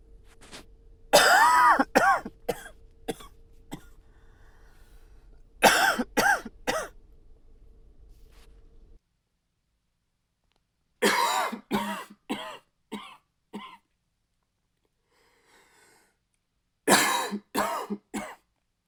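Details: Acted fits of dry, slightly barking cough from an adult, in bursts of several coughs with pauses between them.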